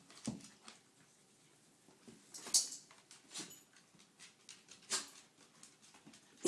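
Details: Dog sneezing: several short, sharp, breathy bursts in a quiet room, with faint shuffling between them; owner has heard dogs sneeze when happy.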